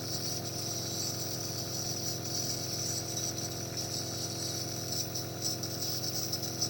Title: That's how nebulizer is used so calm😘 7-Month-Old Baby Taking Nebulization for Cough